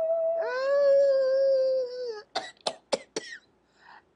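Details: Patient with sensory neuropathic cough who feels mucus dripping down the throat that often isn't there: a drawn-out voiced moan, then four quick throat-clearing coughs.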